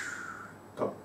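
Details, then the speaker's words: Vocal imitation in a teaching lecture of the crescendo-decrescendo systolic murmur of aortic stenosis: short hummed sounds that swell and fade, the second louder. "you can hear the sound of the murmur decrease eventually going high because you have more blood and more pressure make more sounds and at the half it will back to the low"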